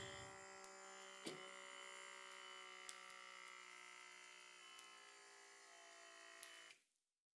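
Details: Training scenario: an automatic blood pressure monitor on a 52-year-old woman with high blood pressure, asked not to talk. Steady buzzing motor hum with small clicks as the cuff inflates, stopping abruptly.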